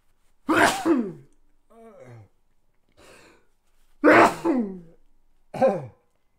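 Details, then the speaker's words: Three forceful sneezes in quick succession, with softer voiced breaths between them; an adult says coughing always sets off sneezing like crazy, in a sneezing fit. "God excuse me that's what happens why I always cough by the way so it always happens it's just one of those things that happens every time a cough sneeze like crazy"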